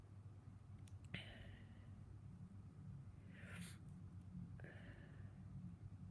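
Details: A stuck, stifled sneeze: soft breathy bursts with sniffing and a hissing, held-back sneeze against faint room noise, followed by a nose blow. Sneezing.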